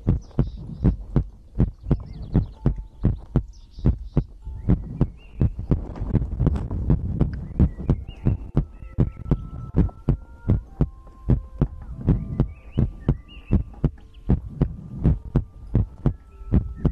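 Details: ASMR recording of a person's own heartbeat made for sleep: steady deep heartbeat about 80 beats a minute, with faint tones and soft breathing behind; normal heartbeat.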